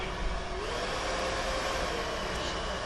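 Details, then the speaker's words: Philips V60 BiPAP/CPAP machine, for patients over 20 kg, with the patient connected by mask: after start is pressed, a steady loud rushing airflow as ventilation with pressure support begins. "Then, then we're gonna press start, and we're gonna start ventilating our patient."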